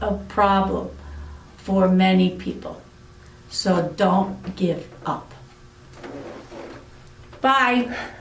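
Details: Aphasia in an adult woman following a severe stroke about eight years earlier.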